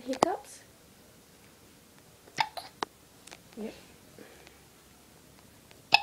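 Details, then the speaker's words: Baby with hiccups: several short, sharp, isolated gasping clicks a second or two apart in a quiet room. "do you still have the hiccups"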